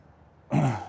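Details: A single low, harsh throat clearing after a brief quiet pause, heard during a chiropractic adjustment session on a lesson horse.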